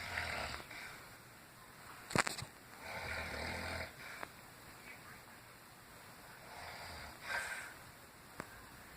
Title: Grandma snoring like CRAZY